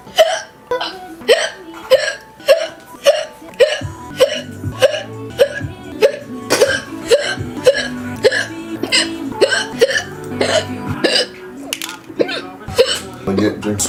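Repeated short, sharp voiced hiccups, roughly 20 over 14 seconds, with music playing in the background.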